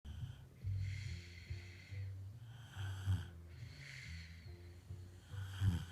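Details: Two sleeping snoring buddies give slow, rhythmic, rumbling snores with a rough fluttering quality, about 24 a minute; ordinary snoring rather than a tonal wheeze.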